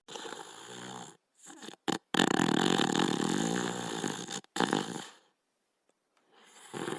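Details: Border Collie named Rusto asleep, snoring with loud, rough, rattling snores in long drawn-out breaths and brief pauses between them.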